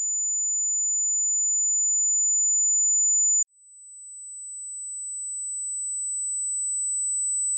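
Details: Two steady, very high-pitched pure sine tones, the second slightly higher after a brief break, from a 200–14000 Hz tinnitus frequency-matching test: tinnitus pitch-matching test tones.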